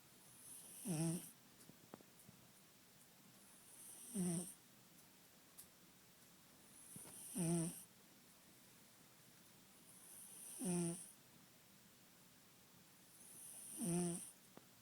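Regular soft snores with a faint whistle, about 18 breaths a minute, five in a row, in a quiet room.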